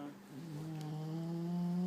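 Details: Sleeping bulldog snoring loudly: a steady, rising, buzzing drone during sleep.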